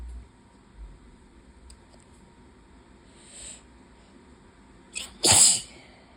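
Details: Faint hissy inhalation, then a sharp, sudden sneeze over quiet room noise, on a high-pollen day with an open window; allergic rhinitis sneeze.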